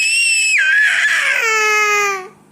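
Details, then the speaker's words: Infant crying while being coaxed to be picked up: a single sustained cry, opening in a shrill squeal and sliding down into a full wail. "আর কান্না করতে হবে না, ওঠো, ওঠো। তা তুমি কেন কান্না করতেছো? কি হয়েছে তো বলো, কি হয়েছে?"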